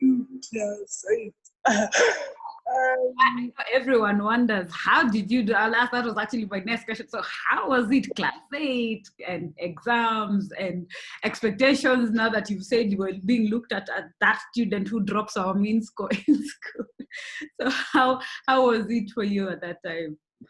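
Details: Adult woman speaking; normal speech.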